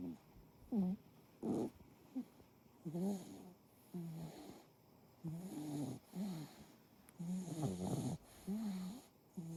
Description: Kitty cat deep sleep snoring. Cute Tortie snoring loudly .